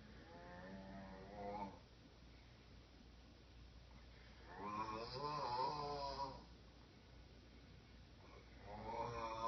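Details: Person recorded snoring on a phone at 4:30 am on 12 August 2013: slow, low, groaning snores on breaths in, a few seconds apart, over steady room hum.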